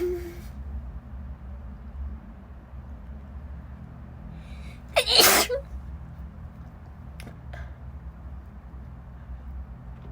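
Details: Single sharp, explosive sneeze from a person in a corridor, with steady background hum.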